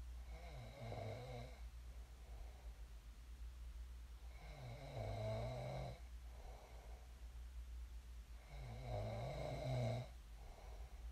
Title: [코 고는 소리 ASMR] 잘 골고 일어났습니다. I snored well and woke up.